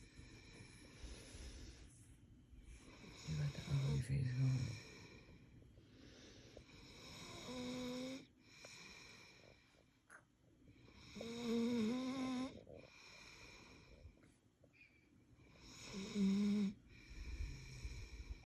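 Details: A dog snoring in loud, rattling bursts roughly every four seconds, with quieter breathing in between.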